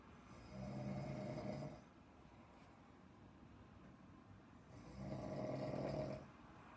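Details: Two deep, droning snores from a man about four seconds apart with a quiet pause between, roughly 13 breaths a minute; ordinary snoring.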